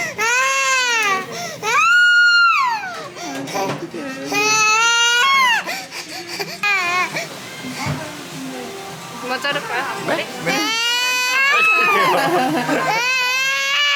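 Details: Loud, sustained wailing cries in repeated long bursts from an 11-month-old baby at the first salon haircut for bangs, fearful and shy of strangers, with background music and adult talk; infant crying.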